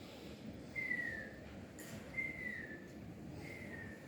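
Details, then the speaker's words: Wheezing in asthma: three breaths, each ending in a high, thin whistle over a noisy background. "¿Ya? Como ese ruido con un pitito o un silbido al final, se puede escuchar, ¿no?"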